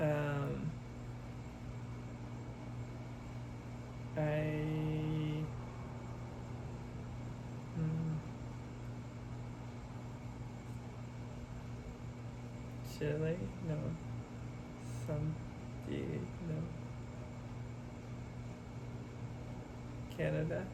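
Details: Expressive aphasia with oral apraxia and right-sided paralysis in a man who had a hemorrhagic stroke at 27; halting, effortful speech with long pauses giving his birthday, almost two years post-stroke after intensive speech therapy.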